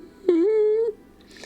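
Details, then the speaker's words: Single high-pitched whining tone lasting about half a second, rising slightly, from a sleeping cat named in the audio as snoring, likened to a ghast or little elephant; snoring. "i think oreo's snoring you might be able to hear that that's a high-pitched wine yeah it could be that"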